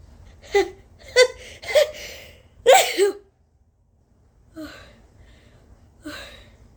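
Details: Person with severe allergies, days of congestion, itchy, sore nose and throat, heavy coughing and near loss of voice, forcing sneezes: a series of sharp, explosive sneezes with gasping buildups, then softer sniffs and breaths.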